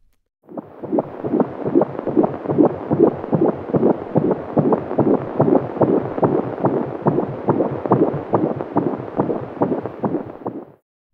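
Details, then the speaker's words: Fetal heart sounds at 16 weeks of pregnancy on a home BabyBeat fetal Doppler: rapid, regular whooshing beats at about 145–160 a minute, with sharper sounds from the heart valves opening and closing. "some fetal heart sounds at 16 weeks the sharper sounds are the baby's heart valves already opening and closing"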